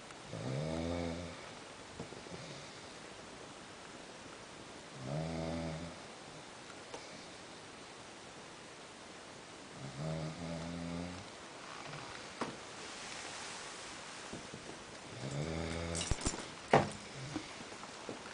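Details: Person found asleep in bed snoring: four loud, low, rattling snores about every five seconds, roughly 12 breaths a minute, with quiet room noise between them.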